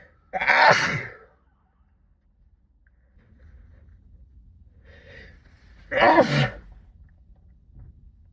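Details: Two forceful, partly muffled sneezes into a sleeve several seconds apart, faint breathing and room noise between, during a sixteen-minute sneezing fit brought on by cold weather; sneezing.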